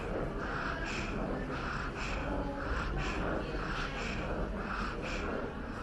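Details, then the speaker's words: Expiratory wheezing heard on breathing out in a child with rapid, noisy breathing, contrasted with stridor (a harsh inspiratory noise); these expiratory noises are not stridor. "Or you may hear other noises when the child breathes out, such as wheezing."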